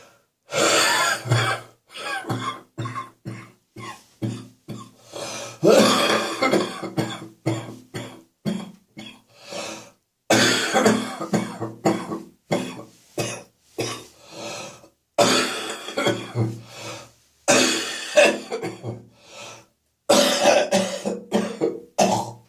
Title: Phlegmy Cough Continues